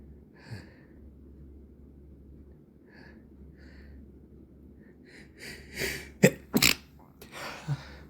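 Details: Stuffy nose after several days of irritant exposure and much rubbing, recorded in the evening: faint stuffy sniffs and breaths, then a cluster of three or four sharp stifled sneezes and a softer one; sneezing.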